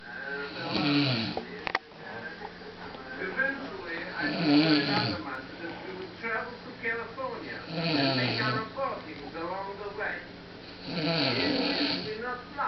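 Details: Man passed out after a night of heavy drinking: loud, rumbling snores repeating about every three to four seconds, roughly 17 a minute; snoring.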